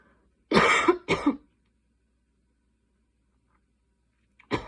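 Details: Night coughing fit at 12:30 am while unable to fall asleep: two harsh cough bursts in close succession in a quiet room, then the start of a third.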